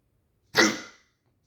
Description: my hiccups wont stop today.